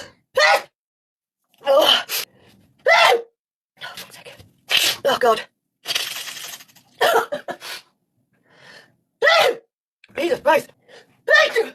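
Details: Sped-up recording of a run of loud, abrupt sneezes with sharp breathy onsets and gasps between them.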